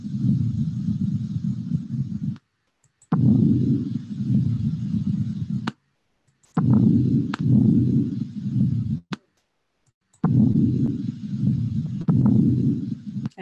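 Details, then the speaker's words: Simulated left-lung breath sounds from a virtual COVID-19 patient case, a man who used his inhaler this morning, with expiratory wheezes that were also heard bilaterally; played at maximum volume through software. "left lung what do we pick wheezing right is that a wheezing sound some expert Tori wheezes there and we sort of heard them bilaterally"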